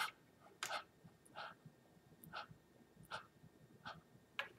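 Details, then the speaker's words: EMS training demonstration of simulated shallow breathing, inadequate ventilation not filling the lungs despite rapid rate, possibly 30–40 per minute; brief small breath puffs repeating quickly. "shallow I'm not filling my lungs up no matter how many times I breathe I'm probably not going to get to that six thousand cubic centimeters of air in one minute"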